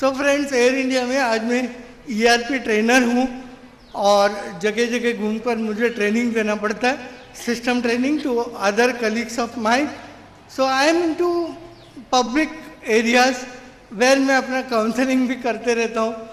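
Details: Adult man with severe cerebral palsy since birth, considered 100% disabled, who could not walk or talk as a child; finding: dysarthria due to cerebral palsy.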